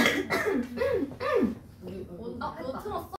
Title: Twice cough